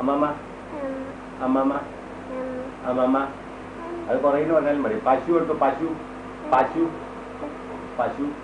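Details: Girl born deaf, given a cochlear implant at 2½ years, now 5 months after implantation and beginning to talk; deaf speech.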